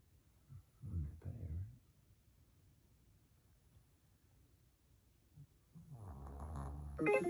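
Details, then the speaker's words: Pet dog resting in the background: low, rumbling snorts and snuffling breaths in a quiet room, with a longer noisy stretch near the end; dog snoring. "so if you heard something random in the background that was our dog bentley he's a snorer"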